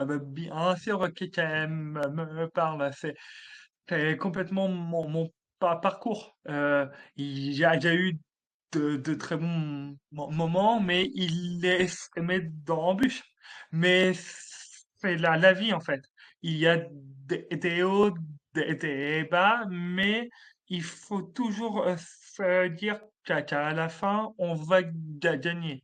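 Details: Adult male comedian with a real stutter since childhood, first detected at age 4, which he calls a speech disorder: stuttering.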